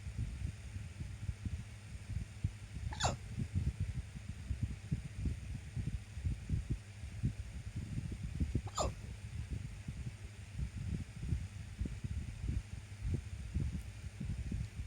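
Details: Randomly occurring hiccups: two high, squeaky hiccups about six seconds apart over a steady low rumble of background noise; ordinary hiccups.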